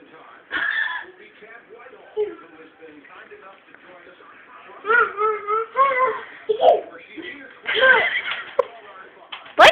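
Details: A baby boy fussing: short whimpering, fussy sounds rising and falling, with a sharp burst at the very end.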